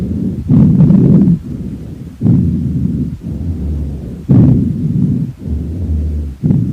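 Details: Stethoscope auscultation of a horse's lungs: normal equine lung sounds.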